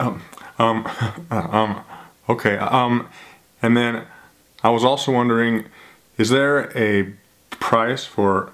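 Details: Adult who stutters, on a real phone call; stuttering.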